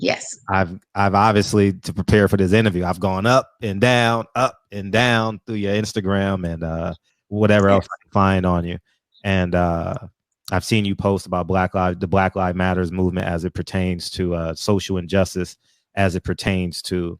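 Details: Adult man speaking; normal voice.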